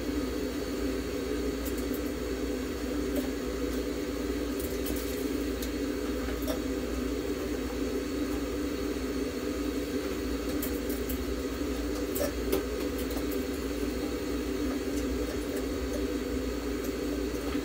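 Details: A budgerigar being treated in a veterinary ICU with warmed, humidified oxygen therapy: the sound of the ICU incubator running.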